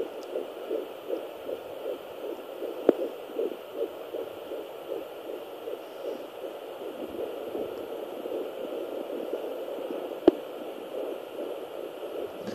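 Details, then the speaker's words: Fetal heartbeat at 11 weeks 6 days of pregnancy on a home Doppler: fast, regular whooshing pulses at about 150–160 a minute. "we're going to attempt to find the baby's heart right now."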